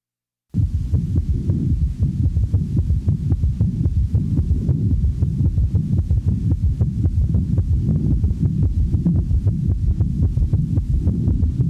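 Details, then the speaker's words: S3 gallop in a patient with congestive heart failure: rapid heart rate with an extra low-frequency third sound in early diastole just after S2, giving the impression of three sounds per cardiac cycle. "the following example demonstrates an s3 in a patient manifesting congestive heart failure since the heart rate is rapid one of the first compensatory mechanisms of failure one has the impression that there are three sounds with each cardiac cycle"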